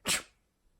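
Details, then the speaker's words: Staged comedy spelling-bee skit: after saying his nose tingles, the contestant gives one sharp, hissing burst of air that fades quickly, a single acted sneeze. "oh no I got a little tingle in my nose here I'm gonna I'm gonna"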